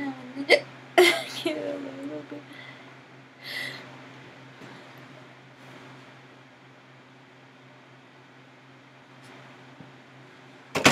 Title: Hiccups are the worst